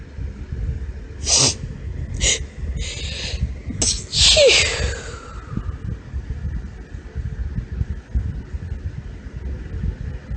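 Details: Deliberately performed girly sneezes from a female: several short high-pitched bursts with hitching catch breaths, ending in a fuller sneeze over rumbling background noise.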